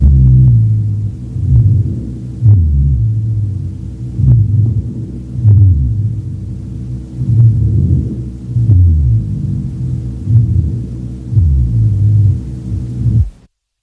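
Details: Rhonchi over the right lower lobe on lung auscultation: low-pitched, snoring rumbles run through each breath.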